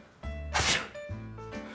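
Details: A single acted sneeze, a sharp hissing burst over steady background music, demonstrated in a COVID-19 clip on how to sneeze and cough correctly (into a disposable tissue or the crook of the elbow).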